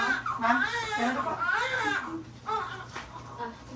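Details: Newborn baby after a first-time mother's natural birth: several rising and falling cries that fade toward the end, with room voices; vigorous normal newborn first cry.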